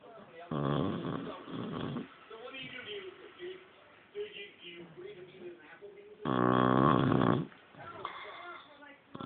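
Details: A 6-month-old female Shar Pei dog sleeping on the couch: loud, rattling, buzzy inhaled snores alternating with quieter breathing; typical snoring of a short-faced dog.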